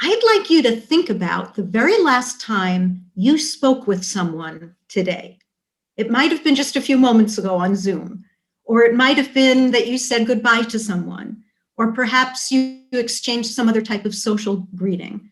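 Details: Adult woman speaking; typical speech.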